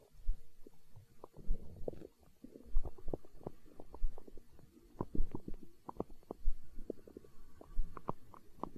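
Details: Hunger stomach growling recorded for ASMR: low gurgling rumbles with bubbly pops coming in waves about every second (borborygmi).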